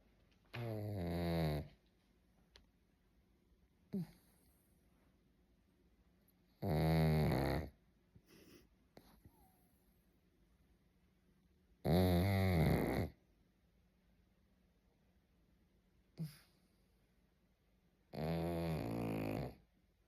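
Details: Loud rattling snores on the in-breath, about every five to six seconds, in a quiet room from a pug that snores habitually; snoring.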